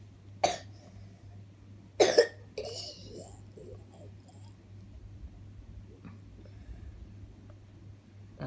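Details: Child who has a cough after eating ice cream and cold drinks gives two short, sharp coughs, then quiet room sounds with a steady background hum.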